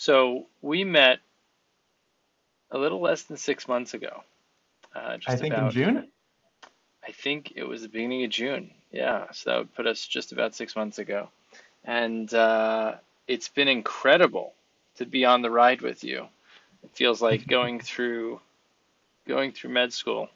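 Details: Adult male speaker; typical speech.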